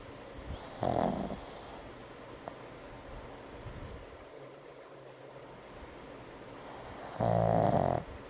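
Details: Brindle Pug snoring during an afternoon nap: two loud, rough snoring breaths several seconds apart over quiet breathing.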